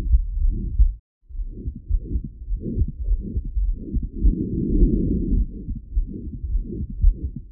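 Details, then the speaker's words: Real patient with aortic stenosis: low heart sounds with whooshing crescendo-decrescendo ejection systolic murmur, classically loudest at right upper sternal border (aortic area), radiating to carotids. "the murmur in aortic stenosis is classically loudest in the aortic area located at the right upper sternal border of the chest although it is often heard across the precordium as well it usually radiates to the cotted arteries"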